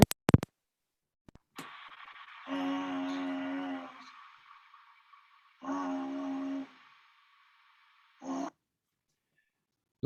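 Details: Unilateral vocal fold paralysis, first of two examinations two months apart: the fold is immobile and very concave, with a very large air leak; breathy dysphonia.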